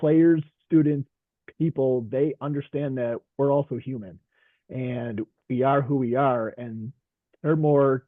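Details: Stuttering in a man who stutters, a veteran high school coach and special education teacher, speaking in a group session.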